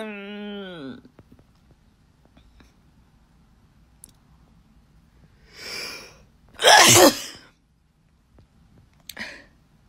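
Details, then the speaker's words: Sneeze induced by a young woman's self-administered Covid-19 nasal swab: brief voiced sound, sharp inward breath, one loud explosive sneeze with short trailing burst, light background music. "thank you i just sneezed twice hold on it snows i can't anymore it's now in here"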